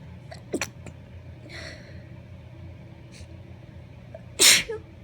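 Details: Adult female with allergies sneezing in a parked car after a pumpkin patch visit: several small stifled sneezes, then one loud full sneeze, over a low steady rumble.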